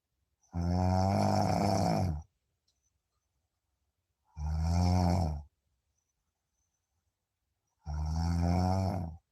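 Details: Deep-sleep snoring: three loud, rumbling, droning snores, each lasting over a second, about 17 per minute with quiet gaps between them. Ordinary heavy snoring.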